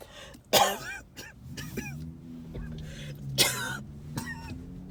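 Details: Coughing fit recorded during a car ride to the hospital ER: two harsh cough bursts with several smaller follow-up coughs over a low steady car hum.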